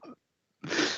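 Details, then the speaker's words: A single harsh, explosive cough from an adult who is still sick with a stuffy voice after coronavirus, after a brief voiced sound and short pause. "Good grief, I'm hacking up a lung. It's probably good that we're postponing this because I'm still a little sick, as you can hear by my stuffy voice."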